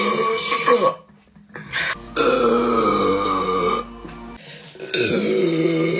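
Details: Deliberate burping tagged as by a girl: several long, loud, drawn-out voiced belches with music in the background.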